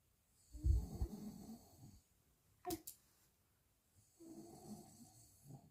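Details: Adult father snoring while his baby cannot sleep: low rattling snore on the breath, a short sharp sound, then a second rumbling snore after a pause.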